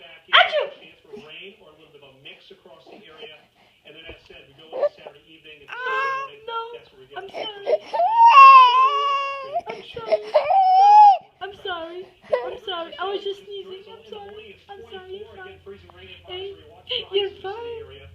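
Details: A baby upset by her mother's sneeze whimpers, then breaks into loud wailing cries that settle back into fussing sobs; infant cry.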